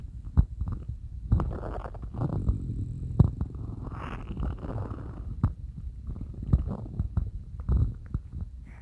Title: Stomach growling woke me up 😵‍💫